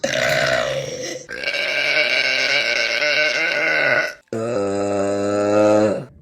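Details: Female burping compilation: three long, loud, voiced burps in a row, each rumbling and sustained for a second or more.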